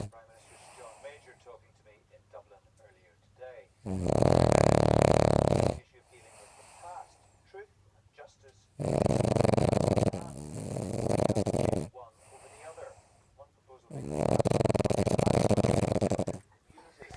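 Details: Sleeping dog snoring loudly: three long, loud, rumbling snores about five seconds apart, with quieter breathing and faint noises between them; snoring.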